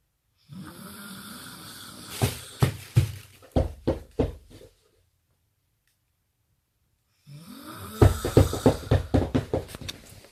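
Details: Two long snores, each a rumbling inhalation breaking into a fast flutter of rattling pulses; loud snoring.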